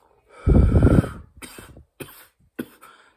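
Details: A long harsh cough followed by several shorter coughs and wheezy catches of breath; a burst of repeated coughing.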